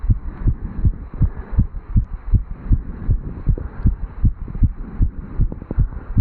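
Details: 35-year-old male, recorded at the mitral area after jogging up stairs, some running noise: rapid, regular heart thumps through a stethoscope; normal fast heartbeat after exercise.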